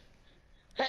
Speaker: That sounded like you farted. No. Like you didn't sound like it. Sound like the most pathetic sneeze ever.